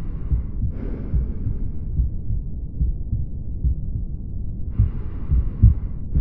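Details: Mitral regurgitation: amplified heart sounds at about 70 beats a minute with a pansystolic murmur, heard with the stethoscope diaphragm at the cardiac apex; may radiate to the axilla, not the carotids.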